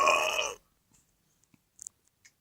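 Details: Phil: one loud, tonal belch of about half a second, then near silence with faint clicks; a single burp.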